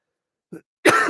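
A brief soft throat sound, then a single loud, harsh cough burst from an adult in a quiet room.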